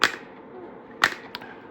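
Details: Two sharp snapping pops about a second apart and a fainter click from a Kalecope Q60 radial low-intensity shock wave therapy device firing at a low setting during a treatment demonstration.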